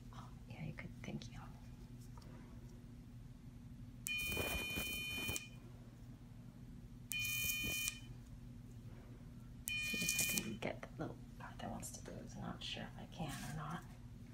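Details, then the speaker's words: Three short high-pitched electrical buzzes, each about a second, over low room hum: electrocautery applied to an oozing spot during surgical removal of bumps on a patient's head. "Let me just buzz. You're going to hear a buzzing noise. You shouldn't feel anything sharp or uncomfortable."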